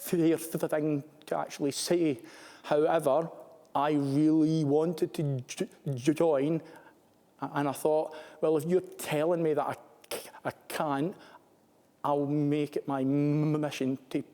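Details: Adult male Army captain with a stammer; real speech with word repetitions heard; stuttering.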